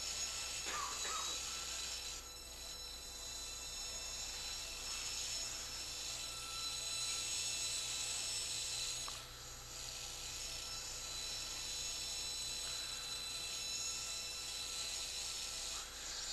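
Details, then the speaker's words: Surgical diamond drill during right tympanoplasty on a 10-year-old girl with Q-tip eardrum perforation: continuous high-pitched whirring grinding canal bone lateral to the malleus, with brief pauses, opening the canal to expose the annulus. "we got to be very careful that we don't hit the malleus as we're doing this sort of drilling. We want to stay lateral to it and get this opened up, and then we can come a little bit more closer to it."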